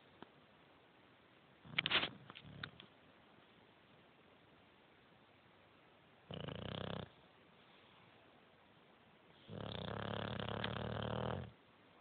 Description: Bulldog asleep on the couch snoring.